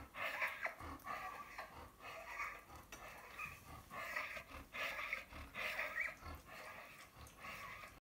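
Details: A Flat-coated Retriever with laryngeal paralysis breathes after exertion with loud, harsh, roaring breaths. Inspiratory stridor.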